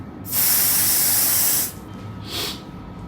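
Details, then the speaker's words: Steady hiss of vapocoolant cold spray, then a brief second puff, numbing the skin of a senior woman's toe before local anesthesia for ingrown toenail surgery by a podiatrist. "cold spray. Ready? Mm-hmm."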